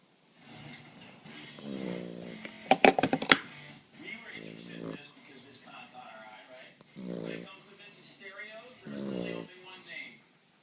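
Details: 9-week-old female boxer puppy sleeping and snoring; rhythmic low rumbling snores with each breath, interrupted by a brief burst of snorting. Snoring.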